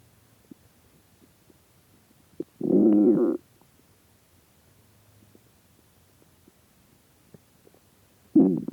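Two short, loud gurgling rumbles separated by a long silence. Hunger-related stomach growling, a normal bowel sound.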